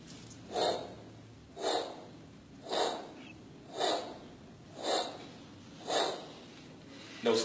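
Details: Teaching vocal imitation of a harsh, rhythmic systolic murmur, repeated about 56 times a minute, representing the murmur of aortic stenosis.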